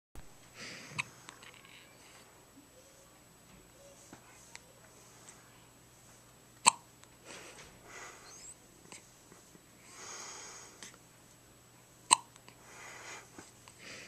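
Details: A newborn's first hiccups outside the womb, recorded in hospital: a quiet room with soft breathing and a few sharp, abrupt hiccup clicks spaced several seconds apart; hiccups.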